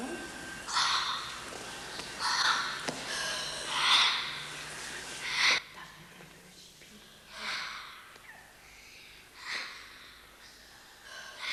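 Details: Productive cough in a person with cystic fibrosis (mucoviscidosis) during a respiratory physiotherapy (chest physio airway clearance) session.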